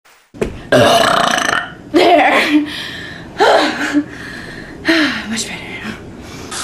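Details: Female burping: four loud, long, rumbling burps in a row in a small room.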